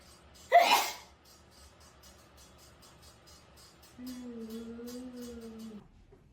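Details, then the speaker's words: A single sharp, explosive sneeze in a quiet room, followed by a brief hummed voice, triggered by nasal swabbing during a Covid test. "I'm jealous of your sneeze because every time I sneeze, I have to like."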